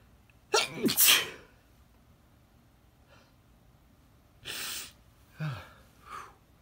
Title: Just some sneezes 🤧😮‍💨 (male)